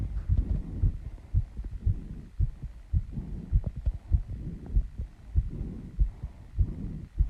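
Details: Female's heartbeat after running and squats, still out of breath as the heart slows: rapid beats of about 100 per minute with heavy breathing around them; normal fast heart rate after exercise.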